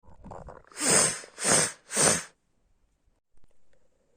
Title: My sick snotty sneezes and coughs